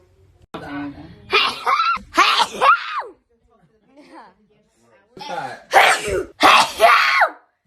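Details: Young woman with two sets of sharp, breathy bursts with rising voiced sounds; a run of sneezes.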